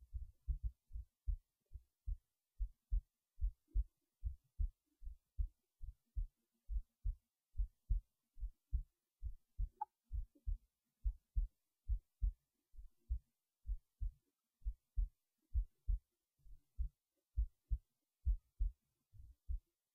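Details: Heartbeat recorded while resting in bed late at night before sleep: regular low thumping double heart sounds at about 68 beats a minute, a normal heartbeat.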